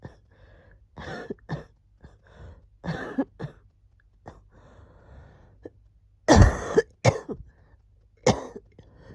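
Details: Several short cough bursts and throat-clearing with quiet breathing between, from someone with a cold as their wheezing is settling: cough.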